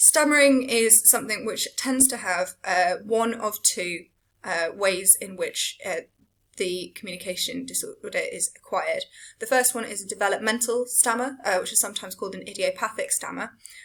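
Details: Adult female lecturer; Typical speech.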